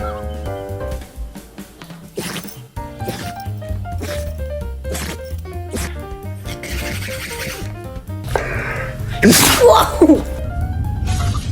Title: Dog sneezing🤣#dog #funny #funnyvideo #fyp #foryou #happy #pet #love